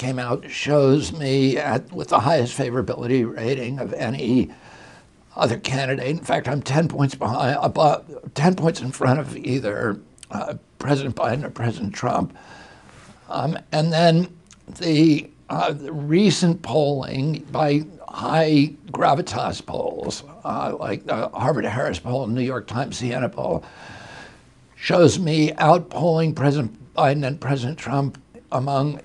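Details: Adult man with spasmodic dysphonia, a neurological injury in 1996 at age 42 disrupting signals to the vocal cords, heard in his voice: spasmodic dysphonia.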